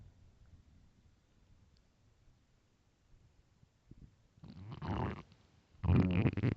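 Quiet room, then two loud low gurgling rumbles from the belly; ordinary stomach growling.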